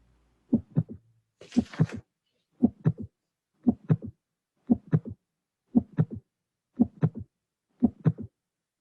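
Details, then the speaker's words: Triple heart rhythm: three short sounds per beat with no murmur, regular near 58 a minute. The extra sound could be a third sound, split second sound, fourth sound or another cause, posed as a teaching test. "this is difficult so we have no murmur just an extra sound let's listen again no murmur an extra sound we have three sounds"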